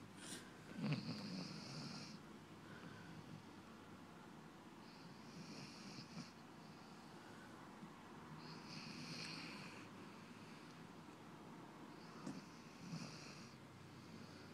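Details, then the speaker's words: Sleeping puppy during a 10am nap, with slow, rattling snores, each breath a soft snort in a quiet room; snoring. "This is Puppy snoring."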